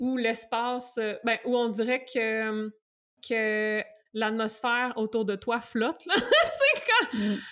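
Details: Adult woman who stutters, who has had speech therapy including stuttering modification and uses meditation to stay present during stuttering moments; stuttering.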